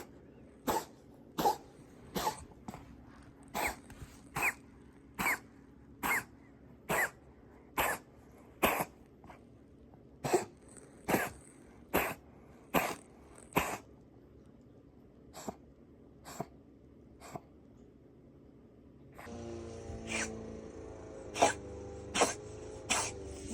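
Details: Repetitive cough in a 7-month-old cat, started a month earlier; vet after x-rays suspects heart failure or asthma, on medication: long run of short, sharp, dry coughs, about 75 a minute.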